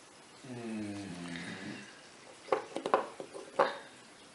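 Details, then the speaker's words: A pet bulldog snoring in the background, which the owner calls normal: a drawn-out, droning breath with a falling pitch, then a series of short snorting bursts: snoring. "je pense que vous entendez toujours ronfler mon bulldogs derrière jeu c'est normal c'est normal"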